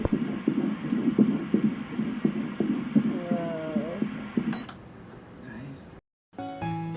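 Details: Rapid rhythmic whooshing pulses, about 170 a minute, of an early fetal heartbeat on ultrasound at about eight weeks of pregnancy, with music underneath; fetal heartbeat on ultrasound.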